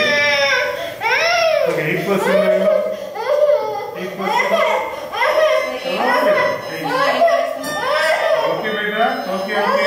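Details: Scared little boy crying around anesthesia before surgery: loud, sustained, rhythmic wailing cries in a small room; distressed child crying.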